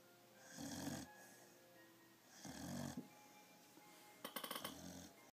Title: Snoring puppy